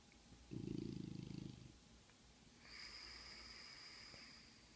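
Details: Bulldog snoring: a single loud, rough, rattling snore on inhalation, then a quieter whistling breath; the snore is loud enough to wake the dog himself.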